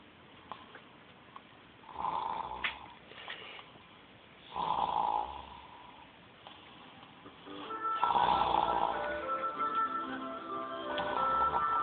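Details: A person snoring loudly during sleep; repeated buzzing, rattling snores on inhalation with music playing in the background.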